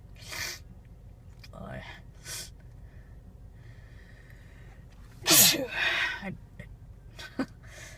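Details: Female sneezing while driving and looking for a parking spot, trying to pull over: one sharp, forceful sneeze after a gasping intake of breath, with quieter breathy sounds before and after.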